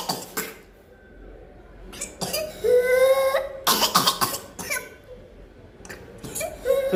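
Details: Pertussis (whooping cough): rapid runs of harsh, uncontrollable coughs, each followed by a long, high-pitched crowing whoop on inhalation.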